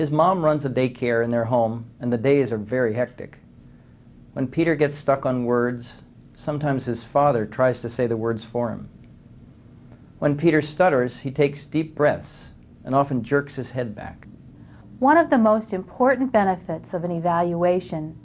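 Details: Adult male narrator; fluent speech.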